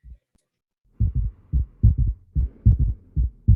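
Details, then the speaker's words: Heart-failure case auscultation, about 73 beats a minute: low-pitched regular three-beat gallop rhythm with a faint extra sound just after the second, heard the same at all cardiac foci. An S3 gallop. "Ya, o sea, el ritmo de galope se puede referir a S3 o S4,"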